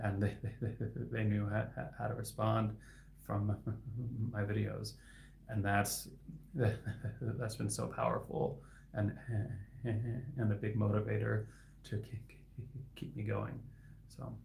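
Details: Adult man who stutters and is a licensed speech-language pathologist; his stuttering is inconsistent, with words sometimes stuck for seconds; sound repetitions heard; finding: stuttering.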